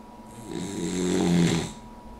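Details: Female Puggle dog snoring while asleep with her head up on an armchair arm: a single drawn-out, rattling snore building then fading over about a second and a half, with a faint hum behind.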